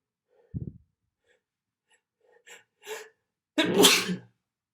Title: 2021-11-29 Some sneezes and nose blows